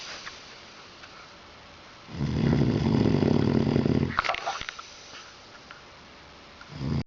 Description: Boozed man sleeping through an earthquake in Poznan during Euro 2012